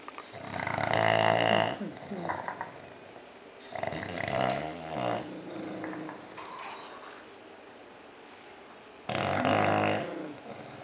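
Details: Two sleeping bulldogs giving loud, rattling, buzzy snores, three strong snores in about eleven seconds with softer breathing noise between: snoring.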